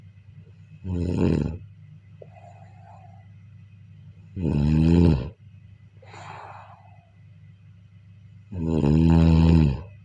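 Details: Three loud, deep, vibrating snores during sleep, about 13 a minute, with softer out-breaths between them; typical snoring.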